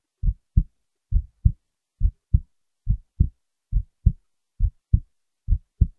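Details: Steady regular paired lub-dub heart sounds at about 68 beats per minute, quiet background: heartbeat recording.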